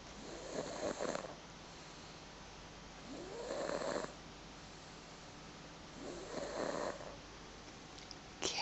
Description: akip on the sofa 16 months old snoring her head off .